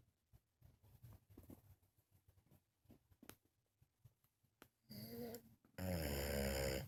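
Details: Soft, irregular snuffling snores from a sleeping French bulldog, then a louder burst near the end (the dog farted during filming); snoring.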